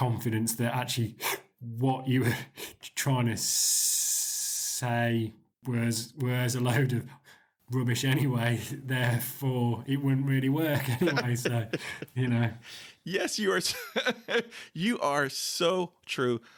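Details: 40-year-old man with stuttering (stammering) since about age 4 or 5; he still has blocks, though fewer than before the Starfish Project.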